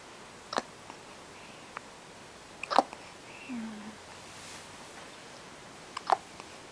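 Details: Hiccups that sound like a squeaky toy: three short, soft, abrupt catches about two to three seconds apart in a quiet room.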